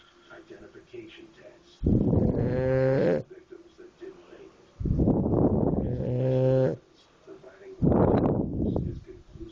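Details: A person snoring heavily: three loud, rough, groaning snores roughly every three seconds, with low rumbling between them.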